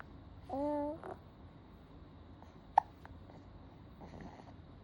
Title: When the hiccups are cuter than you ❤️